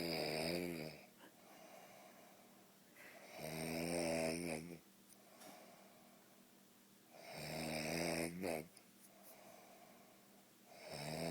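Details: Adult male (husband) asleep with loud, rumbling snores on each breath, about 16 a minute, quieter breathing between; ordinary heavy snoring.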